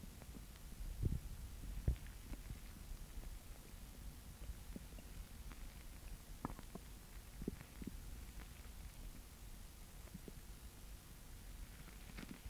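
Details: Girl with an upset stomach: low gurgling rumbles with a few louder pops from the belly. Stomach growling (borborygmi).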